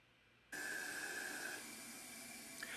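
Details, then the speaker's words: SureVent oxygen-powered, pressure-cycled, disposable transport ventilator at preset 25 cm peak pressure during a training demonstration: steady gas rush with high whistle, then softer hissing as a breath is delivered. "The ventilator should now be working. As you see, the patient will have chest rise, and here we can clearly see the lungs, and the manometer will be going up."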